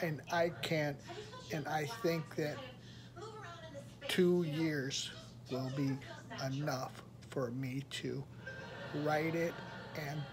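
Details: Aphasia in an adult who attended a rehabilitation research program about a year earlier and reports improvement with practice; word-finding difficulty and fragmented sentences.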